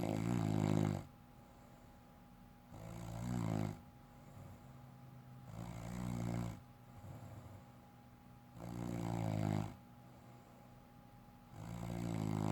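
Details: Adult woman (wife) snoring in sleep: loud, rough, low rattling snores about every four seconds, roughly 15 breaths a minute, with quiet gaps between.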